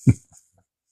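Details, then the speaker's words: Shoulder crepitus during shoulder warm-up rotations in a beginner workout: a single dull low pop, then two faint softer clicks as the arm keeps moving; the motion reportedly smooths out with repetition. "Depending on where the microphone is, you can actually hear my shoulder. That's called crepitus, ladies and gentlemen."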